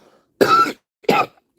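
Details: Adult who reports being diagnosed with pneumonia today and given a shot; cough in pneumonia.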